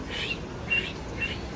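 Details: Adult's vocal imitation of a wheeze during a lecture on pediatric respiratory examination: brief high-pitched musical squeaks over a soft hiss, ending in a louder tonal note.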